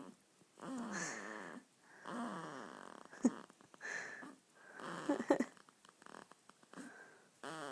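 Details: Snoring of a 2-week-old baby boy while asleep: soft, squeaky, whistling snores with each breath, with small snuffly noises between.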